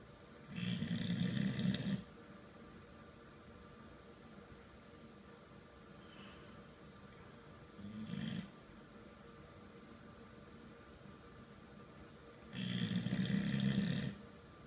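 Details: Person snoring while asleep in an uncomfortable position: low rumbling snores on inhalation, spaced several seconds apart, over quiet room noise.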